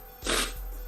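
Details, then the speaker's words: Adult sneeze: a single sharp, hissing burst of breath fading quickly into quiet room hum, described as painful. "That sounded painful. Oh, that did hurt. That hurt a little bit."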